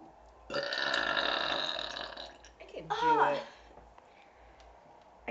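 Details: Deliberate burping by a girl known for burping amazingly, during a night at a friend's house: two loud, drawn-out belches, the first long and rumbling, the second shorter, then quiet room sound; burping.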